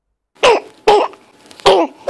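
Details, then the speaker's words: A child's three harsh, hoarse coughs with a barking, seal-like ring, presented as croup (laryngotracheobronchitis), most often caused by parainfluenza virus and usually seen in children aged 6 months to 3 years. "bu durum kurup ya da laringa trakeo bronşit olarak adlandırdığımız enfeksiyondur"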